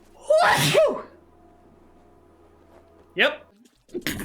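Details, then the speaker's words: A person sneezes loudly and explosively, then sneezes a second, shorter time a few seconds later with a brief vocal sound: repeated sneezing. "wow now that was a sneeze that happened and then i'm going to sneeze oh sorry i'm allergic to seafood"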